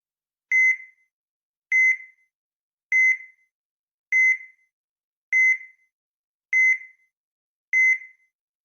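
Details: Regular high-pitched ECG heart monitor beeps, about 50 a minute with steady spacing; a sound-effect recording.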